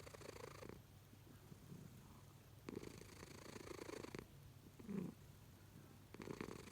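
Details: A sleeping cat snores in slow, rhythmic rumbling bursts with each breath, about 22 breaths a minute; its snoring woke the owner.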